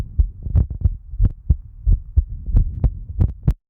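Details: Heartbeat recorded by someone whose eye is infected and swollen: paired low thumps, about 90 beats a minute, with some rubbing noise; adult heartbeat via stethoscope.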